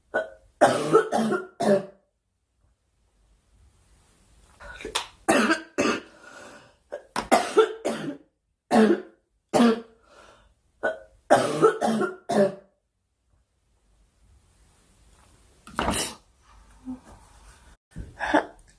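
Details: Girl coughing during a live stream, wishing aloud for the cough to stop: repeated bursts of short, dry coughs in clusters separated by pauses, faint room noise between; cough.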